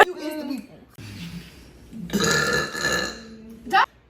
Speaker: I get the biggest double chin when I'm about to burp.